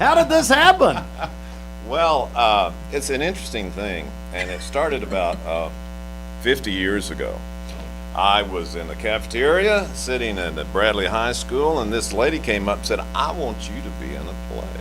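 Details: Adult man speaking; normal voice.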